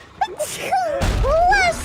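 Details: Soft, quiet sneeze from a female streamer during a live stream, noted as always soft and mellow in real life: a breathy intake, then a gentle, high-pitched voiced burst with a small squeak.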